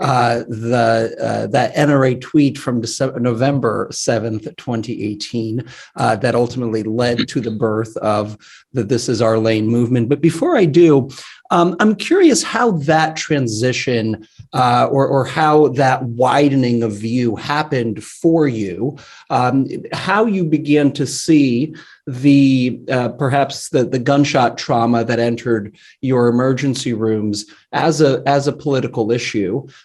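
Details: Adult male speaker; normal speech.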